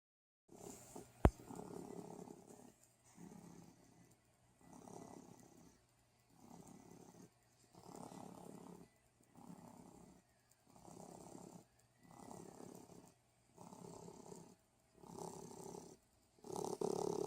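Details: Steady, regular rumbling breaths with short pauses between them, about eight to nine a minute; snoring.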